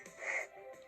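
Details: A single brief, airy, slightly whistling breath from an infant simulator doll, with faint room noise around it: simulated infant breathing.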